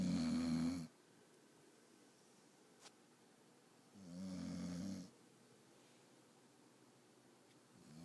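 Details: Snoring recorded on an iPhone: low, buzzing snores about every four seconds, each lasting about a second, in a quiet room; ordinary snoring.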